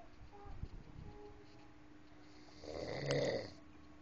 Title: Ngorok Lucu